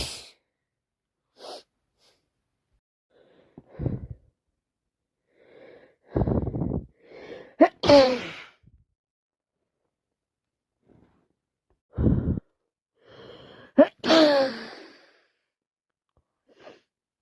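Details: Gasping build-ups and about three forceful wet sneezes with sniffs and sighs between; wet, snotty sneezing with a head cold.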